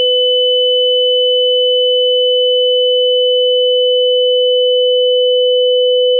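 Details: Simulated tinnitus: a steady, unbroken high-pitched tone with a fainter lower tone beneath, imitating the ringing heard in tinnitus.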